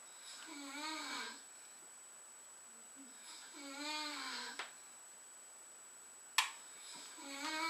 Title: 269 9801 snoring